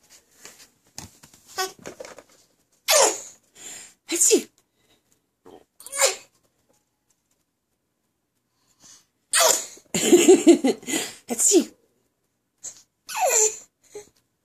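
A run of short, sharp, breathy sneeze-like bursts separated by quiet gaps; a baby faking sneezes.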